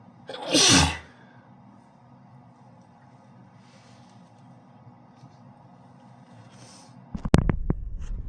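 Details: Person sneezing: one sharp, forceful sneeze burst, then quiet room noise and some closing clatter. Finding: sneeze.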